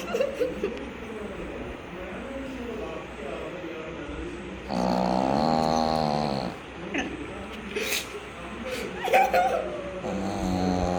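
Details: Pug dog snoring: a long buzzing, rattling snore over background room noise and brief laughter; snoring in a flat-faced small dog.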